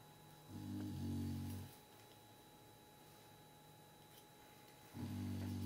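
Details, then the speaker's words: Sleeping female beagle snores indoors beside her owner, with low, rumbling breaths; two snores about four seconds apart. "Bailey is snoring Buster my other beagle that passed away last year almost a year ago used to snore in here all the time with me so now she's taking over"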